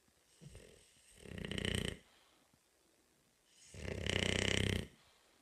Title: Bulldog Snoring